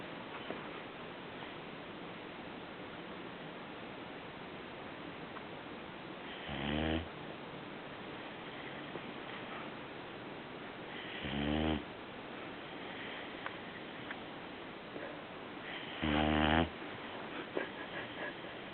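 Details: Three short, buzzy snores about five seconds apart, around 12 a minute, from a sleeping puppy over steady room hiss; snoring.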